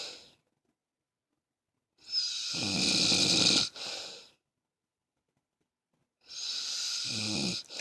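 Two long, harsh, rattling breath sounds separated by silence, with a gurgling low flutter in each; snoring.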